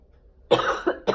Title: Lol. I coughed 9 million times.